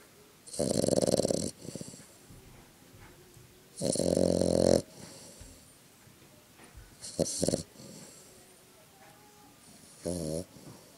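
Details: Heavy snoring in a sleeping Frengle dog after a hard day: loud rattling snores, each about a second long and roughly three seconds apart, with softer snorts between.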